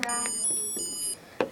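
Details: Short electronic beeps from a Medtronic MiniMed insulin pump as its menu buttons are pressed during a feature walkthrough; normal operating tones, insulin pump button beeps.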